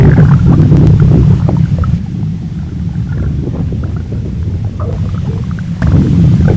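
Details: Stomach noises from a Gacha Club animated skit: a loud, low, churning rumble with gurgles, softer in the middle and swelling at both ends; stomach rumbling.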